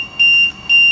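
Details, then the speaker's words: Transport ventilator occlusion test, tidal volume 575 mL, high pressure limit 40 cmH2O, circuit occluded by thumb: two loud, shrill, steady beeps of the high pressure alarm, volume not delivered. "and you'll note that immediately the high pressure alarm goes off and the volume is not delivered"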